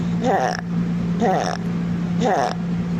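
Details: Stridor example from an otolaryngology lecture on laryngomalacia in children; noisy breathing from airway obstruction, inspiratory when supraglottic, possibly biphasic when glottic or subglottic.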